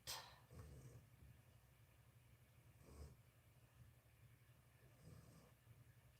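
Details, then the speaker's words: Dog napping during a live sewing session: low, rumbling snores repeating every couple of seconds over faint room noise; ordinary snoring. "Can you guys hear the dog >> [laughter] >> snoring? She's having a good nap."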